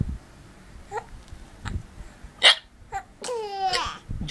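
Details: Infant hiccups after laughing at daddy's hiccups: four short, abrupt hiccup bursts a second or less apart, then a high voiced squeal.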